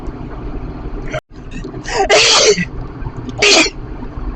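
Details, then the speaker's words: Adult driving home on the motorway after a deliberate visit to a dog-filled house without antihistamines; two loud sneezes a little over a second apart over steady road noise. Repeated allergic sneezing from dog allergy. "just coming back from a dog filled [Music] house trying to drive while sneezing or nearly sneezing not the easiest thing to do"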